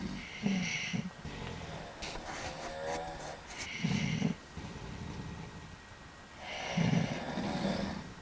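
Loud, rumbling snores repeating with each breath, one with a snorting flutter; ordinary snoring.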